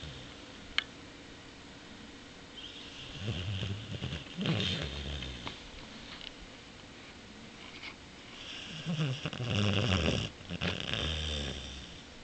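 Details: Boxer dog snoring and dreaming while asleep, making funny faces with tongue sticking out, shortly after an operation for a throat puncture from something he chewed; soft, irregular snorting snores with a few whimpers.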